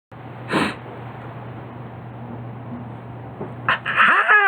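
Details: Small animal sneezing: a short, sharp sneeze, then a second burst followed by human laughter, over a steady background hum; a burp is said to occur at the start.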